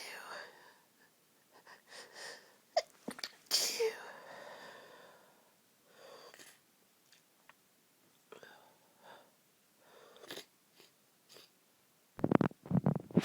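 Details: Woman trying to sneeze quietly while her friend sleeps next to her: a run of muffled, held-back sneezes with quick catching breaths between, then louder bursts at the end; stifled sneezes.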